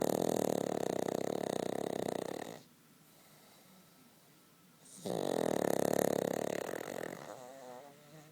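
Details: Cavalier King Charles spaniel sleeping comfortably between its owner's legs: loud, rattling, buzzing snores in two long bursts with a quiet gap between them; snoring.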